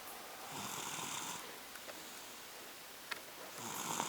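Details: Two-year-old exhausted and asleep on the couch: soft hissing, rattly sleep breaths, two in four seconds; light snoring.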